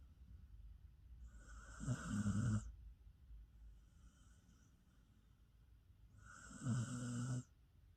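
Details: Two loud, rumbling snores about five seconds apart, each with a hissing, raspy edge, and quiet breathing between, from a pet dog; snoring.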